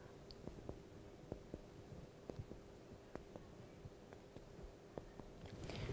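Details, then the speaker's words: Chest percussion with fingers placed between the ribs and struck with the other hand: about a dozen short taps giving a normal resonant note over healthy lung. "pour réaliser la percussion thoracique nous posons les doigts entre les côtes du patient et avec l'autre main nous venons percuté nos doigts"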